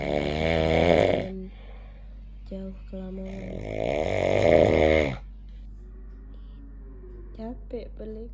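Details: Cat snoring in deep sleep, not waking even when squeezed: two loud, long rattling snores with brief low voices and small sounds between them.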